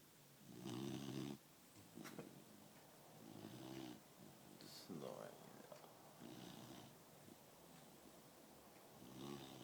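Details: Dog asleep gives soft, fluttering snores in repeated bursts over room noise; snoring during sleep.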